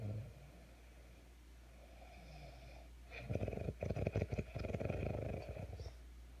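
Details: Tired person asleep after a quiet stretch, one long low rattling snore fluttering through an inhalation in a small room: snoring.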